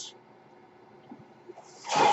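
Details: The podcaster's own mechanical ventilator cycling: a brief airy hiss, a quiet pause, then a rising rush of air as the next breath is delivered.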